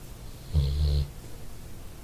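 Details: Dog snoring while resting: a single low, rumbling snore lasting about half a second in a quiet room; snoring.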